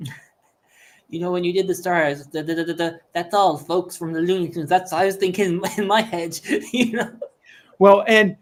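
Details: Adult speaker; typical speech.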